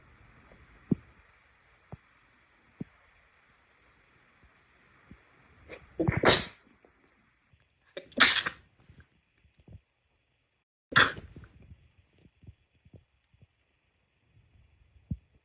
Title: sneeze 11-20